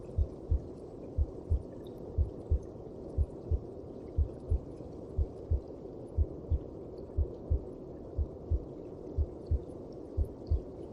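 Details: Heartbeat heard inside the mother's belly: regular paired low thumps at about 60 beats a minute over a muffled rushing hum, a steady normal heartbeat.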